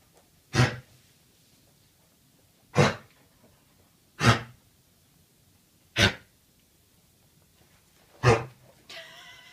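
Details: Dog coughing: five short, sharp, explosive bursts at irregular intervals over about nine seconds, followed by a brief whine-like sound.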